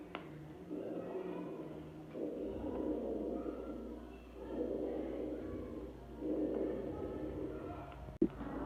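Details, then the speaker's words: Lung auscultation teaching clip: low-pitched rhonchi and higher-pitched musical wheezes, continuous through inspiration and expiration, rhonchi more present on expiration. "os roncos São muito parecidos estão presentes tanto na inspiração quanto na expiração a diferença são só que os roncos são mais graves e o sibilo se apresentam de forma mais aguda"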